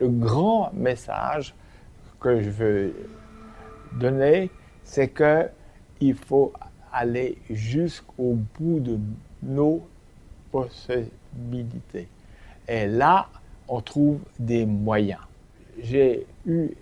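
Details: Man with aphasia for 7 years after a stroke, who uses voice recognition software as a communication aid; aphasia.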